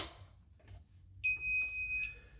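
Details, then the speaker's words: Automated external defibrillator with red indicator light: sustained high-pitched electronic alarm tone signalling a device fault and that it is not ready for use. "not ready for hips remove and reinsert battery to test okay so clearly that's an audible indicator to tell you it's not ready for use it also it's going to carry on beep in there away quite irritatingly and quite rightly so"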